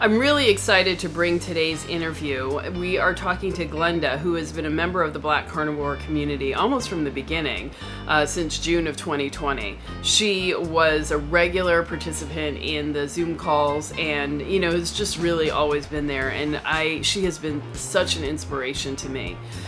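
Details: Adult speaker; normal speech.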